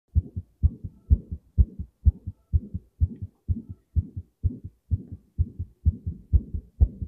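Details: Strong, thumping heartbeat, fast at about 128 a minute, with a soft extra sound between beats; the person's own heart, with a known murmur, recorded while playing a fast-paced racing video game.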